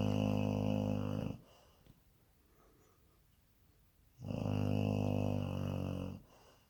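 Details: Someone snoring loudly, described as snoring up a storm.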